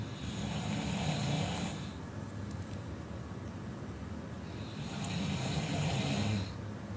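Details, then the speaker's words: Faint snoring from an unidentified person near a singer during a late-night social media livestream, growing louder between talking. "di sela-sela Dela ngomong samar-samar terdengar suara orang ngorok dengkuran itu semakin nyaring berbunyi"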